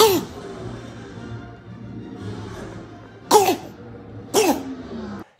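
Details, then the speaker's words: Barking croup cough in a young child: three short, harsh, seal-like barking coughs, typically the first sign of the infection. "now that seal bar cough should really clue you into uh the start of this infection It's usually the first thing you'll notice"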